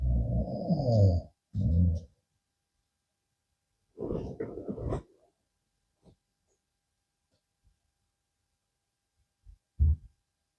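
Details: Adult man asleep in the afternoon, recorded with a small microphone placed close to him: loud, rough, low snoring breaths, followed by quiet with a few faint noises; snoring.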